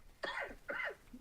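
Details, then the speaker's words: Double cough heard over a live call line, two short voiced bursts from a participant who did not mute the mic; cough. "Oh man, you can mute your mic before you cough."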